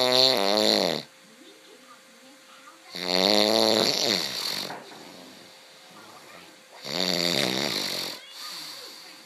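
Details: Snoring: loud, buzzing snores about every four seconds, roughly 18 a minute, with a fluttering rattle on each breath.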